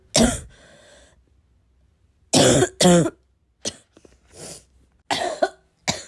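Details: Heavy barking smoker-type cough: harsh, forceful, hoarse honking coughs with throat clearing and snorting breaths; person unsure whether it comes from vaping or from getting sick.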